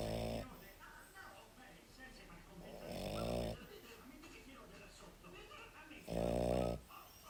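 Low, buzzing snores recurring about every three seconds, roughly 20 a minute, with faint breathing between; a sleeping dog snoring.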